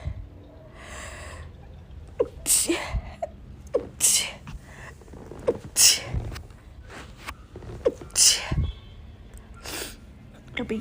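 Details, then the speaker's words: Sneezing attack: about five sharp sneezes in quick succession, each preceded by a short gasping intake. "Yep. I'm having a sneezing attack. That was me making my coffee and I started sneezing. Nope, I'm not allergic to coffee. Just having a sneezing attack."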